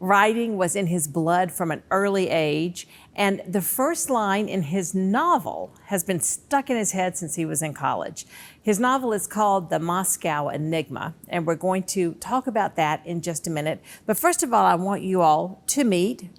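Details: Adult woman speaking; Typical speech.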